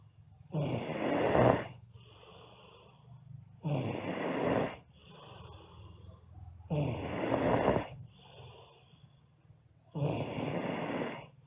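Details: Girl sleeping: loud, rattling snores on each in-breath with quieter out-breaths between, about 19 breaths a minute; snoring.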